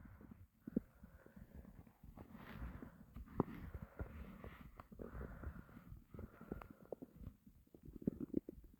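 Low, gurgling rumbles come and go over several seconds: stomach growling from an empty stomach, a normal finding.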